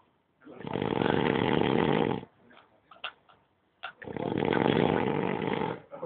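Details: Pato snoring after a guitar party: two long, harsh, rattling breath sounds with quiet gaps between them.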